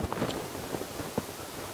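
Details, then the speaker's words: Pregnant woman, handheld Doppler with gel at the point of maximum intensity on the abdomen: rapid, soft, regular whooshing pulses, normal fetal heart sounds, distinguished from wind-like bowel noise. "Hai jika ada bunyi seperti desiran angin itu kemungkinan bukan divisi ya bisa jadi bising usus Ibu bunyi DJ adalah seperti ini"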